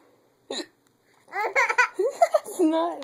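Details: Young child with hiccups: a single short, abrupt hiccup, followed by giggling and babbling.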